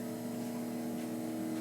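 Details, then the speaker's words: Steady low motor drone with tonal hum as a Zenith 440 Thompson technique chiropractic drop table rises, raised by kicking in and pressing the foot plate, in a table overview demonstration for chiropractic students. "and since we're going to go ahead and bring it up I'm going to do it over on this side I'm going to kick it in and just go ahead and raise it"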